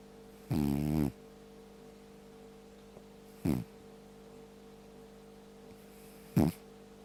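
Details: Snoring: three loud, rattling snores, the first long and the others shorter, with quiet gaps between them.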